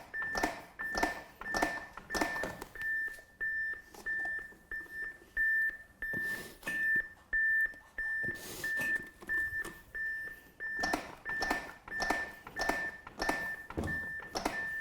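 Steady beeping at roughly 100 a minute from a training defibrillator, pacing chest compressions during the CPR period after a shock.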